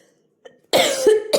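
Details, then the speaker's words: Adult woman with a cough that she says is bad at night but absent by day, coughing during a voice-over: after quiet, one loud, voiced, somewhat rough cough, then the start of a second. "അയ്യോ എനിക്ക് അത്യാവശ്യം ചുമയുണ്ട് കേട്ടോ voice over ചെയ്യുന്ന സമയത്ത് അതാണ് ചുമക്ക് എന്നോട്ഒന്ന് ക്ഷമിച്ചേക്ക് കേട്ടോ"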